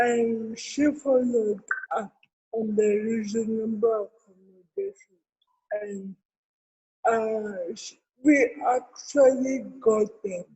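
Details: Adult woman with cerebral palsy, with dysarthria.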